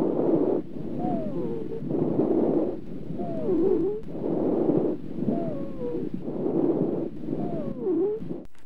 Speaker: Ronchi or wheezes or dry sounds are commonly heard in patients with bronchial asthma. They are continuous musical sounds heard commonly during expiration.